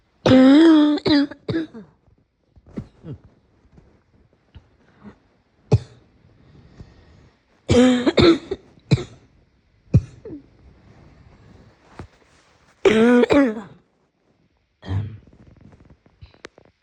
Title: Morning cough